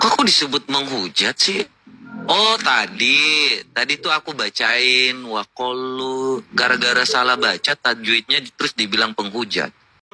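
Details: Adult male speaker; normal speech.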